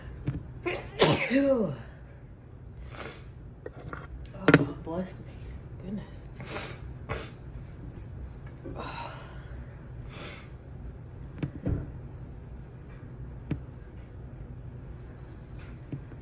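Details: Sneezing fit the person attributes to a lit cinnamon candle that normally doesn't bother them; one loud sneeze then softer bursts and breaths in a quiet room with low hum; irritant sneezing.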